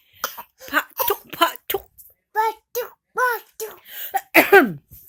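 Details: A young child gives a string of short, playful coughs mixed with vocal sounds, joining in and copying others' coughing rather than truly coughing.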